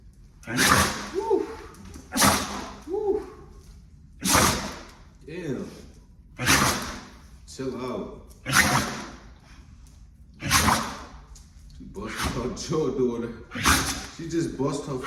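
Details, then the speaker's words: Pit bull sneezing after floors were mopped with bleach: about eight sharp, explosive sneezes in quick succession with snorting breaths between; sneezing hard enough to hit her face and tongue on the floor. "she just bust her Tong little that's how hard she sneezing less bleach don't use too much bleach on the floors"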